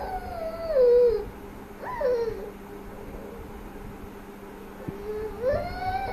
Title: Cute 5 months old baby pretends to cry if rattle sound stops